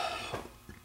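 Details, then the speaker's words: Adult who is hoarse and has been under the weather for a couple of days: a single short, dry-sounding cough against faint workshop noise. "if I sound a little hoarse I'm a little under the weather for the past couple of days"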